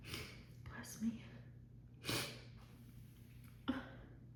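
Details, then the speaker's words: Woman in an uncontrollable sneezing fit after holding back sneezes during a phone call, recorded partway through: three sharp, forceful sneezes in quick succession, each with a short gasp before it. "Why are these so strong? I still have to sneeze. Never any tissues when I need them."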